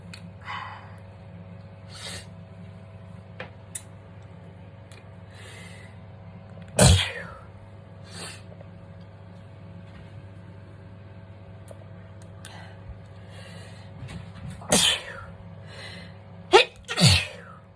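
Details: Several sharp, explosive sneezes during a skincare routine, a few close together near the end, over a steady room hum.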